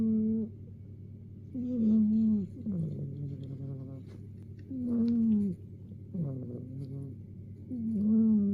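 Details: Sleeping cat napping, snoring with squeaky, whistling snores that rise and fall in pitch, repeating every few seconds; harmless cat snoring.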